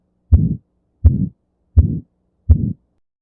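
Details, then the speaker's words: Aortic stenosis murmur: four regular heartbeats, each followed by a rough crescendo-decrescendo (diamond-shaped) murmur; the classic radiation is to both carotid arteries. "For example, aotic stenosis features a crescendo decrescrescendo sound, meaning an increasing or decreasing level of intensity resembling a diamond when grafted on a"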